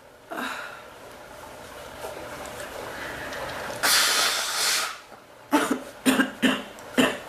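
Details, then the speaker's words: A long rough exhalation, then four short, harsh coughs in quick succession; an adult's recurring cough that hurts the back more than the chest, briefly let up, then came back. "more my back than my chest to cough it seems like it gets better and it gets worse"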